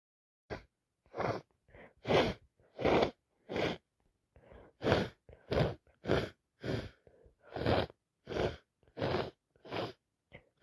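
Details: Person with a wet head cold: about fourteen short, breathy, wet sneeze-like bursts in rapid series with small catches between; repeated sneezing.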